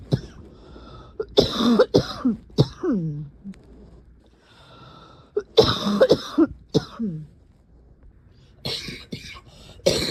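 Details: Harsh, barking coughs in three short bouts with a slightly crackly, rough edge and brief voiced tails; person notes the cough is usually dry, this about as wet as it gets; barking cough.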